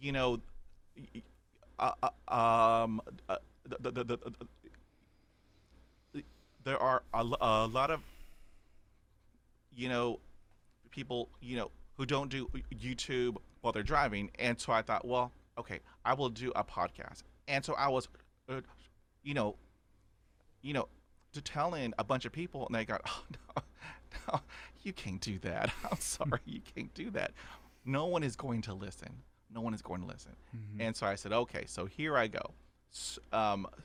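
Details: Adult man who has stuttered since childhood, describing about 80% fluency with blocks and repetitions after 20 years of speech therapy; stuttering.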